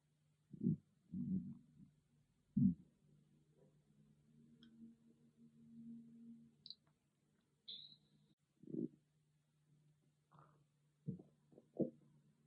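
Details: A loud stomach growling, recorded on an iPhone with no ASMR microphone: irregular low gurgling rumbles and squelches from the belly, separated by quiet gaps; ordinary bowel sounds (borborygmi).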